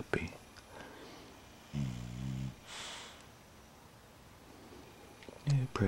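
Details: Female puppy snoring while asleep: a low, buzzing snore on an in-breath, then a softer breathy exhale, in a quiet room.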